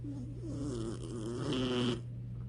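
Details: Sleeping female puppy with megaesophagus and severe hip dysplasia: a single drawn-out snore with a wavering, whistly tone over a steady low background hum; ordinary snoring.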